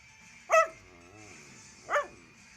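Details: A dog gives two short, sharp sneezes about a second and a half apart, over faint background hum.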